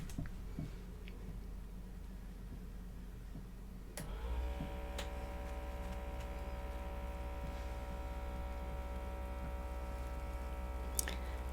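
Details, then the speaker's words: Role-play doctor wellness exam, simulated: arm straight out, feet flat, cuff wrapped on arm; click then steady electric pump whir as automatic blood pressure cuff inflates, reading 124/82. "I'm just going to wrap this that feel comfortable enough I know it's like not fun but that's good all right we're just going to turn it on and you'll feel it start to"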